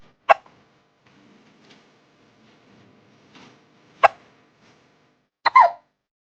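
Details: Cat with hiccups after eating its food too fast, per the owner: three short, sharp hiccup bursts spaced a few seconds apart in a quiet room.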